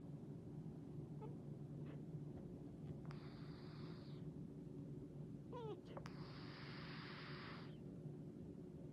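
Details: A sleeping animal gives two slow, noisy, drawn-out breaths over a steady low rumble: gentle, cute snoring.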